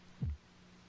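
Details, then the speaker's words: Single soft, low Korotkoff thump heard by stethoscope at the elbow as the blood pressure cuff deflates, below a systolic of about 160 mmHg and before the sounds disappear at a diastolic of about 102 mmHg. "now the pressures dropping you can hear the heartbeat you're listening now for when does the heartbeat disappear and that will be the diastolic pressure the low pressure and"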